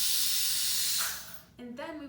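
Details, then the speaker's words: High-speed dental handpiece with rotary instrument attached, tested for air pressure and rotation during the daily office opening routine; loud high-pitched airy hiss spinning, then winding down, with brief speech; handpiece running. "the next step is to test the highspeed hand piece and in order to do this you would attach the rotary instrument and we will be checking for air pressure and rotation"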